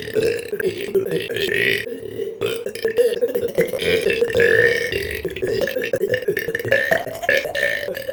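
A long, loud, continuous belch with rough, rumbling voicing runs through most of the clip, with brief breaks; deliberate repeated burping.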